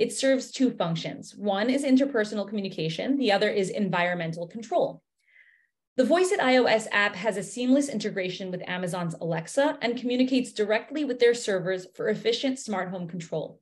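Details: Adult woman speaking; Normal fluent speech.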